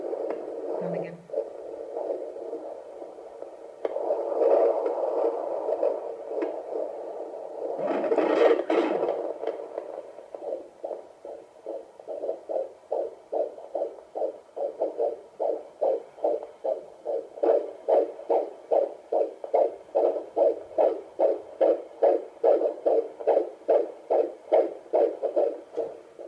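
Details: Fetal heartbeat heard for the first time on Doppler: fast, regular whooshing at about 145 beats a minute after scratchy probe and movement noise.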